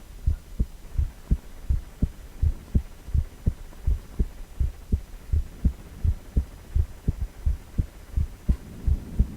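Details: Heartbeat sound from a cardiac ultrasound, 4-chamber view of a male heart: regular low thumping, about 85 beats a minute, with a steady hum behind it.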